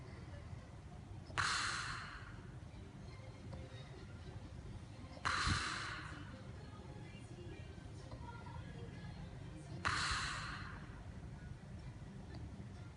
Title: Deathly Snoring